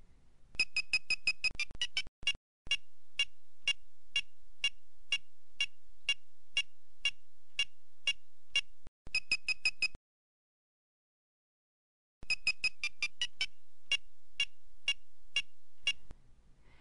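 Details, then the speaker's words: Handheld wireless PediGuard probe during pedicle preparation for spinal screw placement: rapid electronic beeps slowing to steady, medium-paced beeping as the tip re-contacts cancellous bone after the faster, higher breach signal. "cancela sound resumes as the petty guard comes into contact with cancellus bone"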